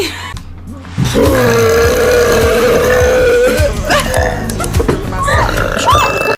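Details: Loud, long rumbling burp lasting several seconds, then shorter burps, with music in the background; from a burp compilation; burping.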